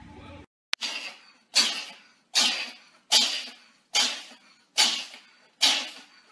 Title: Dog&Cat Sneezing